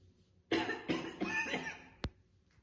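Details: A woman chain-smoking two cigarettes, coughing heavily throughout with occasional spitting: a run of three harsh, rough, chesty coughs, then a short sharp sound.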